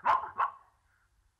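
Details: Adult man with severe Tourette syndrome at a press conference gives a sudden, sharp, bark-like vocal burst that breaks in abruptly: involuntary vocal tic.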